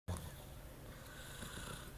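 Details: Pet dog, a deep sleeper, asleep with a low, rattling, continuous snore lasting about two seconds; ordinary snoring.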